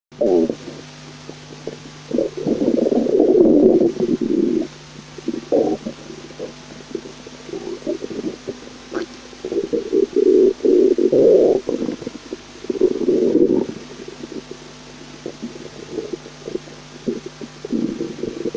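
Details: Stomach growling after cream of leek soup: repeated low gurgling, bubbling rumbles in bursts with brief quiet gaps; digestion bowel sounds (borborygmi).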